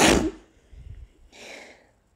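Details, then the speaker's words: One forceful, deliberately held-back allergy sneeze followed by a soft hissing breath out; stifled sneezing. "sneezes are generally too big. Doesn't really work properly. But I can try."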